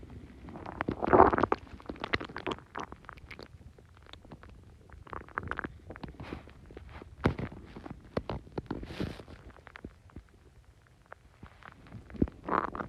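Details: Extremely bubbly stomach growls after Coke and Mentos: irregular gurgling, bubbling and squelching bursts from the belly, loudest at start and end; borborygmi.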